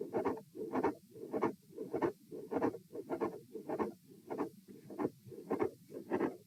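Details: Rapid regular heartbeats with a crisp mid-systolic click and a doubled second sound that stays split (fixed split S2), at auscultation position A in a repeated stress test with lying, sitting, and standing phases.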